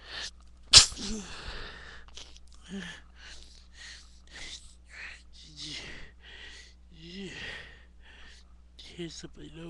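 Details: Person sneezing after loose dog hair tickled their nose: a single sharp, explosive sneeze near the start, followed by quiet breathy sounds and faint murmuring.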